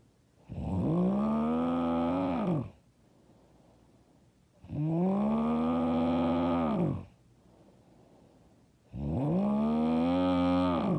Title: I SNORE SO LOUD AND HARD